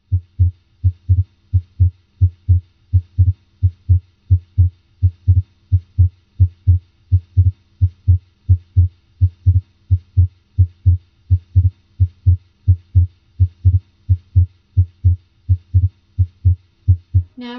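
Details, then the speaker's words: Physiologic splitting of S2 on stethoscope auscultation at the aortic and pulmonic areas during inspiration: A2 from aortic valve closure, then P2 from pulmonic valve closure. "its first component a 2 is from left-sided a or tak valve closure if second component p2 comes from right-sided pulmonic valve closure this physiologic split of s2 a and s"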